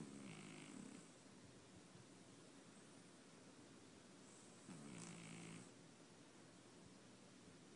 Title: Oliver snoring